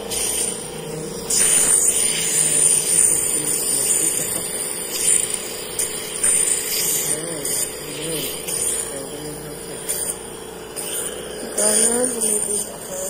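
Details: Running nebulizer compressor (Pulmo-Aide) delivering diluted salbutamol (Ventolin) through a mouthpiece to an adult treated for an asthma attack: steady mechanical hum with airy hiss, faint voices in background.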